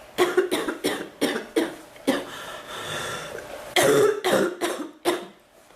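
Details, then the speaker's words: Run of about ten harsh coughs in quick bursts with a brief mid pause, a recurring coughing fit; coughing hurts her back more than her chest. "it hurts my chest and my back more my back than my chest to cough it seems like it gets better and it gets worse wow I"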